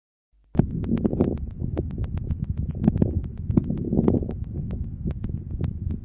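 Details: Breath sounds with many brief popping crackles clustered mid-inspiration, sparing its start and end: mid-inspiratory crackles reflecting bronchial secretions, variable between cycles and often with a few expiratory crackles.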